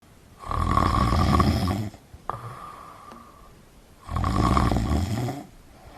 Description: It was a very common sound of snoring which we hear from the other persons who sleep beside us.